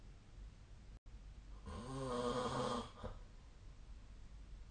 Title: 🐽 2024/12/16 本日のイビキ Snoring Sleep Sound